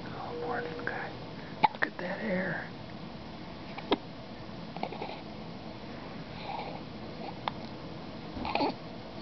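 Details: Infant in a NICU crib with hiccups, episodes frequent now that he is feeding; brief sharp catches in the breath about every one to two seconds, five or six, over quiet room noise: infant hiccups.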